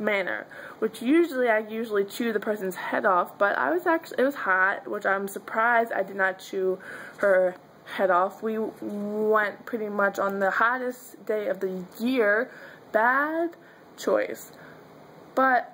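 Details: Adult woman who says she stutters and that her stutter is sometimes severe; stuttering.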